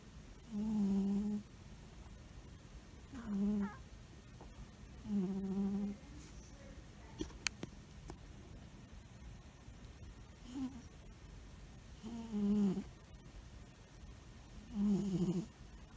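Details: Snoring in a sleeping albino cat: soft, hummed, squeaky snores at irregular intervals, roughly every two to three seconds, over steady room hiss.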